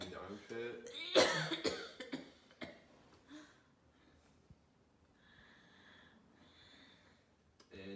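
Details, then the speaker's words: Short run of deep, harsh, rattling productive coughs from an acted adult patient in a respiratory assessment, with chronic cough worse this past week, respirations 24, pulse 86, SpO2 80% on room air, temperature 37.5 °C. "so what kind of a cough is it is it's pretty deep it rattles my bones coughing up anything oh yeah I hate to tell you"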